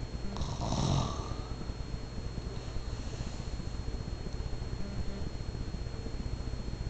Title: Dad snore...